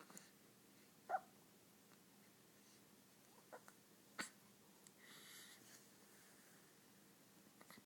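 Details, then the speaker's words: Hiccups in a baby boy: about three brief, soft, sudden hiccups spaced irregularly in a quiet room. "do you have the hiccups? Just a little bit?"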